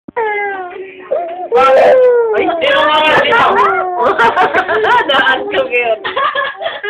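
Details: Child crying and whimpering in rising and falling wails, with an adult voice partly heard coaxing in a small room.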